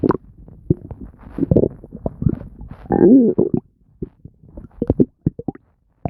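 Frequent gurgles, pops and bubbling with a longer rising growl; active bowel sounds, stomach growling.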